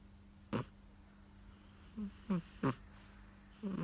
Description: British shorthair cat Richard snoring